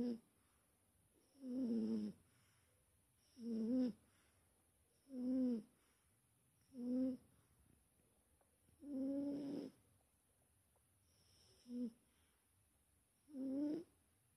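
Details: Big Wilson, a cat, snoring in sleep: regular voiced snores with a soft rattling tone, about seven in fourteen seconds, each followed by quiet exhalation.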